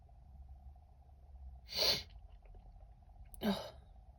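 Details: A female's sneezes that wouldn't come: two breathy, hissing bursts about 1.5 seconds apart over steady room hum, like stifled or incomplete sneezes.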